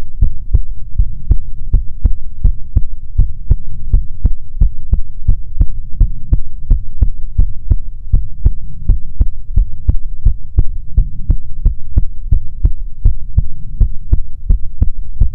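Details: ASMR heartbeat recording: loud, very even, rapid thumping heartbeat throughout, no pauses or extra sounds; normal heartbeat.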